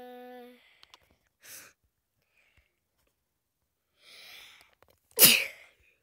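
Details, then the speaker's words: Sick person with a clogged nose sneezing while narrating Minecraft gameplay: a short inward breath, then one sharp, loud sneeze in a quiet room with soft breathy sounds before it. "excuse me let's go put this in fance that's a lot of sneezes"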